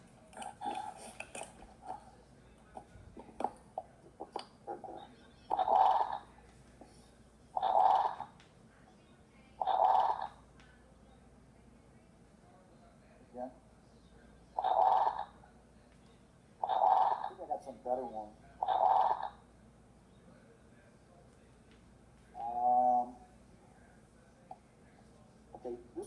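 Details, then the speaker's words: Wheeze on a lung-sound teaching recording, from airway narrowing: repeated musical, whistling breath sounds that recur with each breath. "is a wheeze. This is a wheeze, and this is also narrowing of the airway."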